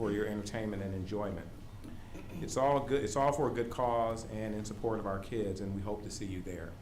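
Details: Adult male speaker; Normal speech.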